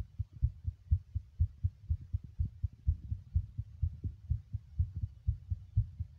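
Quick, steady muffled heartbeat, around 120 beats a minute, with soft paired thumps; a fast heart rate.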